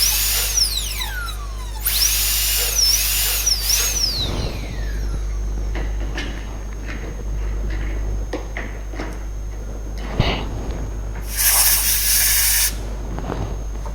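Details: High-pitched dental drill whine rising and falling, then short bursts and air hiss over low room hum, while preparing an MO class 2 amalgam cavity on a mandibular first molar.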